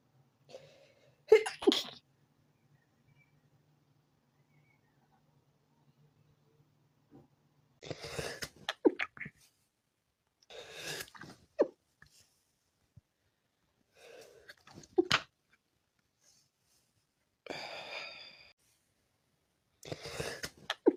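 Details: Person with a tickly feeling in the nose sneezes six times, most sneezes preceded by a brief inward breath, with quiet pauses between them.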